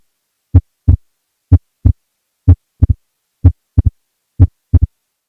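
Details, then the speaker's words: Regular heartbeat near 62 a minute with a second heart sound that splits, widening in some beats; wide splitting of S2. "the list of ideologies here include right bundle branch block pre exitation of the LV as seen in Wolf Parkinson White syndrome pulmonary hypertension massive PE severe mitro regurgitation and constrictive pericarditis take a listen to what this sounds like"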